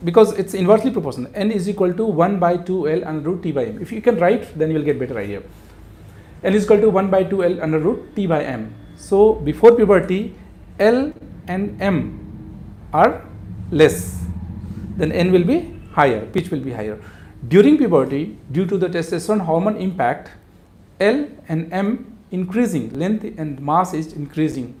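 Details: Adult male speaker; normal adult male voice.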